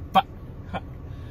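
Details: Vocal tic in an adult stand-up comedian with Tourette syndrome.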